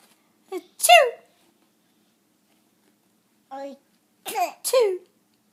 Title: Fake sneezes